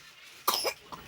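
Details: Infant coughing: a single short, soft cough with quiet room sound around it.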